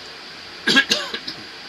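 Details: Adult man with Tourette syndrome, worsening with age, makes a brief run of abrupt throat-clearing noises in a quiet room, a simple vocal tic.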